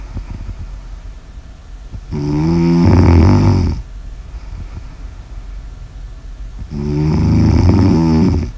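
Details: Sleep snoring in an ASMR recording: two loud, rattling snores on breathing in, roughly 4.5 seconds apart, with quieter breathing between them.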